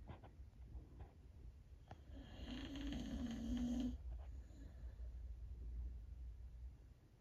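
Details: Old female Boxer dog named Kandy, feeling a little down, sleeping: a single long, rattling snore over low, steady room hum; snoring.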